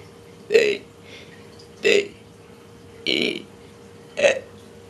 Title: girl burping her abcs